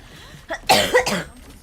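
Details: A short throat sound, then a sharp double-burst cough from a young woman, acted rather than from illness: cough.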